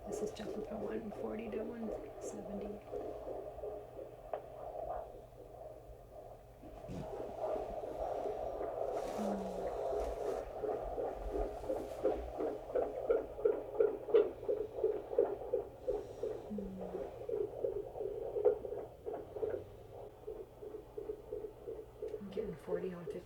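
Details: Fetal heart on Doppler during labor, with staff thinking the baseline is a little higher; rapid, regular whooshing pulses at about 170 a minute with low room hum: fetal tachycardia.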